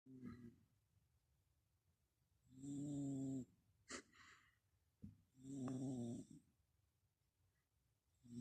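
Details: Merlin sleeping, with a lower-pitched snore than his usual high-pitched one, which the owner thinks may be from a blocked nose: loud rattling in-breath snores about every three seconds with quiet pauses; snoring.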